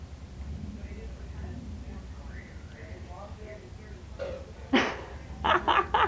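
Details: Girls' burping contest after chugging a drink: quiet talk, then one loud burp followed by a short run of rapid burps.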